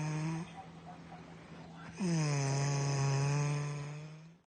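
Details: Snoring.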